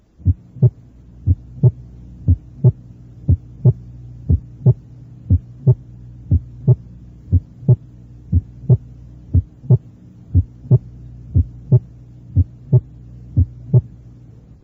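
Regular two-part heartbeat at about 59 beats a minute over a steady low hum, with a muffled, diminished first heart sound.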